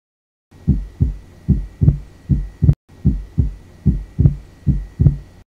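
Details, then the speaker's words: Regular heart sounds through a stethoscope in which the second sound splits into two close parts, A2 then P2, during inspiration as pulmonary valve closure is delayed. Physiological splitting of S2. "so there is a splitting between a2 and p2 right so this is called as physiological splitting during inspiration and this is how the splitting of s2 is heard"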